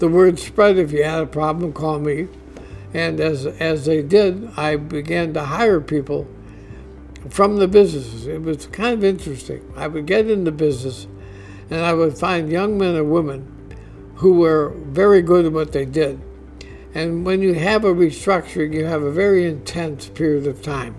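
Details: Adult man diagnosed with ALS (Lou Gehrig's disease), which he says is affecting his voice; he expects only a few more months of being able to work; dysarthria (ALS).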